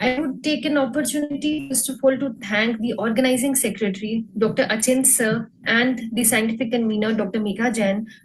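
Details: Adult woman; normal speech.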